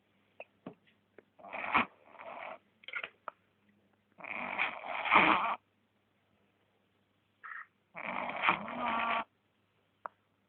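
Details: A sleeping male dog snoring, with irregular raspy, snorting breaths, some long and rattling, about 17 per minute.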